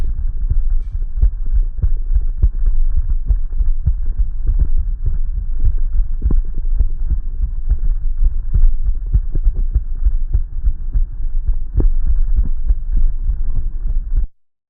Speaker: With that, this is a variable S1. Like we saw, the variable S1 is what you get in case of atrial fibrillation.